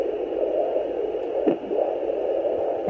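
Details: Fetal Doppler at 29 weeks 3 days of pregnancy: a steady hiss broken by a sharp thump, a fetal hiccup. No heartbeat is heard; the hiccups showed on the Doppler like a big heartbeat, in a different spot from the heart.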